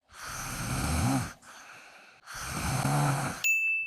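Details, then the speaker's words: Snoring presented as a possible sign of airway obstruction and sleep apnea. "귀엽죠? 그런데 사람한테서이 소리가 나면 귀여울게 아닙니다. 질식하고 있다는 신호거든요."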